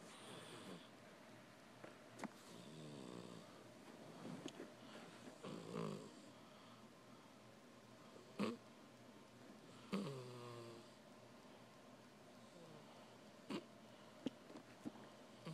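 Soft, rumbling snores at irregular intervals from a sleeping cat, with occasional clicks and light room noise.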